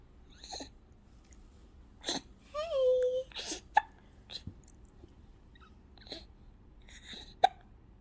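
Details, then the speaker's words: Several brief, abrupt hiccups from an infant who woke up happy, amid soft fussing and babbling in a quiet room; infant hiccups. "what are you doing you got the hiccup you do have hiccups oh no hiccup oh goodness"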